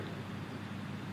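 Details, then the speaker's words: Stridor, as heard in children with airway swelling, infection, croup or laryngospasm and possibly an emergency: near-silence, then a sudden loud, high-pitched musical breath sound in the final moment. "strider can indicate a medical emergency if not enough oxygen is able to get through the airways listen to the sound of strider"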